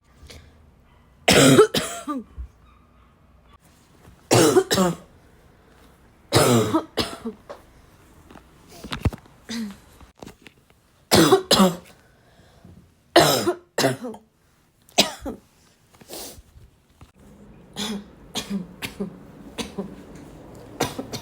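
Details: Repeated harsh, dry barking coughs, about eight main bursts with smaller ones between, some with a brief whoop-like tone; a barking cough.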